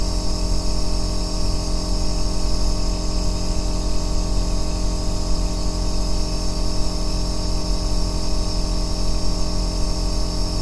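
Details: Aerosol nebulizer machine running, recorded as ASMR white noise for sleep and relaxation: a loud, steady low rumbling bass hum with hiss, unbroken throughout.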